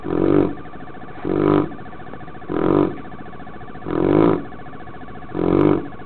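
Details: Regular, loud, throaty snores at about 50 breaths a minute over steady outdoor background noise, from a Mastino (mastiff) dog napping in the backyard.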